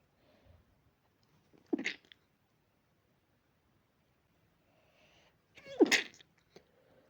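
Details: Dog with allergy making pinch sneezes: two sharp sneezes a few seconds apart in a quiet room.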